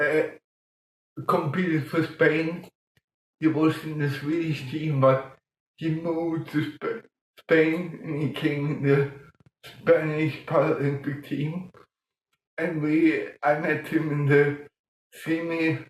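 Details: Adult man with mild cerebral palsy from lack of oxygen at birth in 1958; as a child he talked while breathing in, and says music later helped him breathe differently and talk more intelligibly; mild dysarthria in cerebral palsy.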